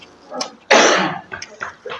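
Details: One strong, harsh cough burst with softer throat sounds around it in a quiet room, during a Javanese-Indonesian prayer for healing of a cough; cough.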